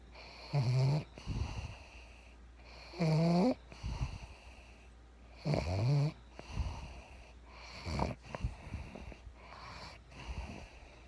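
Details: Pug snoring: loud rattling snores about every 2.5 seconds, with soft snorts and breath noise between them.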